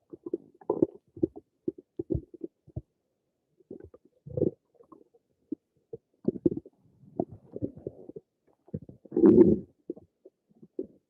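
Bubbling, gurgling rumbles in short irregular bursts with one longer growl; ordinary stomach rumbling from gas and fluid moving through the gut.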